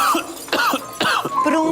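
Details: Three quick, harsh, acted coughs in a row over soft background music in a cough syrup advertisement; a simulated dry, non-productive cough.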